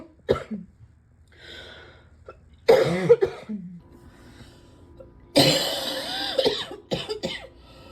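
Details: Several deep, harsh morning coughs from an adult, in irregular bursts with breaths between.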